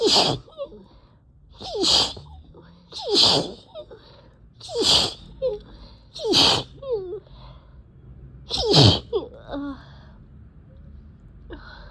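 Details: Six forceful sneezes in quick succession, each a sharp intake and explosive burst; repetitive allergic sneezing from cat exposure, with sore throat and eyes barely able to open.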